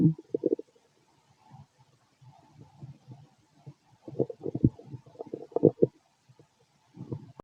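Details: Stethoscope auscultation of a fit adult male's abdomen: bursts of gurgling and rumbling with quiet gaps between; ordinary active bowel sounds, stomach growling.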